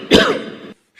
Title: Chinese President #coughing attack!